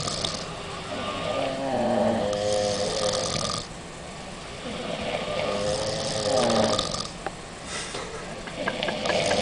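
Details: Girls on holiday snoring after a nightclub and alcohol: long, rough, fluttering snores, roughly three breaths in nine seconds, with some noisy background.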